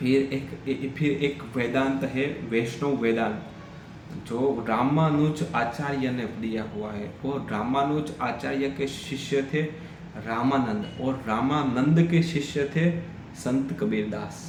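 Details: Stuttering (stammering) in an adult man during Hindi storytelling practice on day 7 of a daily stammering practice routine that includes breathing exercises.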